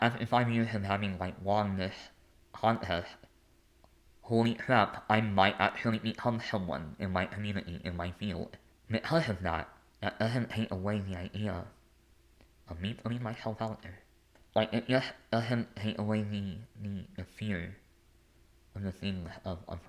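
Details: Adult male with a lifelong speech impediment affecting the mechanical production of words rather than language content.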